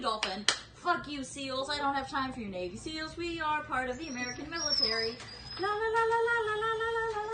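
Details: Woman on olanzapine in a sudden severe tic attack, service dog lying on her to settle the tics; vocal tics (Tourette syndrome).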